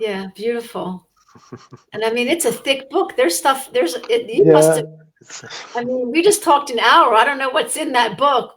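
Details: Adult woman speaking; typical fluent speech.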